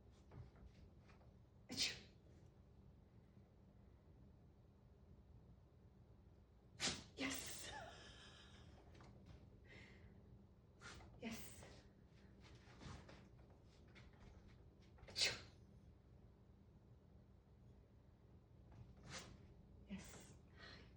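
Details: Dog (Bodhi) sneezing during a training session to teach sneezing on cue: about five short, explosive nasal sneezes spaced several seconds apart in a quiet room; sneezing.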